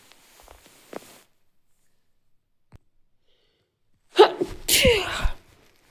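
Faint breathy sounds, then a sharp intake and an explosive sneeze burst; a single ordinary sneeze.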